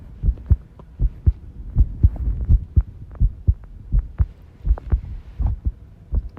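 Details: Self-recorded heartbeat while tidying a room, arrhythmia noted: low heart thumps at roughly 80 a minute with an uneven rhythm, some beats early or irregularly spaced.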